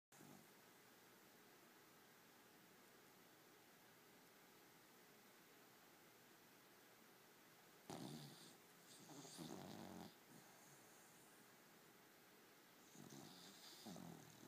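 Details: Sleeping female cocker spaniel puppy: a few soft, snuffling snores in a quiet room; ordinary snoring.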